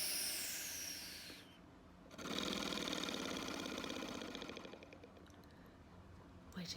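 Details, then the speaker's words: Simulated ASMR nurse role-play: an oscillating positive expiratory pressure airway clearance device set to five, giving a deeper rattle; a long exhalation through the mouthpiece makes a rapid, steady fluttering rattle. "you can move it all the way here to the five and that'll give you a deeper deeper rattle a deeper treatment"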